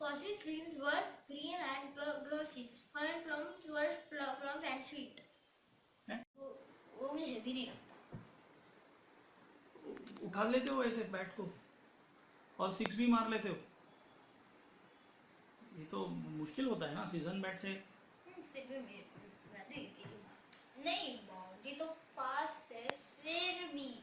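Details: Boy who has stammered for 4 years, reading aloud before a single NLP session; his stammering is said to increase with fear, excitement or hurry; stuttering.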